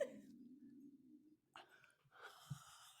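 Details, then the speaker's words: Adult's stomach growling mid-conversation: a long, low rumbling growl described as monster-like, an ordinary hunger sound (borborygmi). "And there goes my stomach again."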